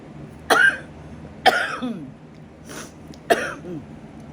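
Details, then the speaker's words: Adult with a bad lung infection, chest clogged, using nebulizer and inhaler, not on oxygen: three short, harsh cough bursts with throat clearing. "so during the video you will hear me cough a little bit kind of clearing my throat like"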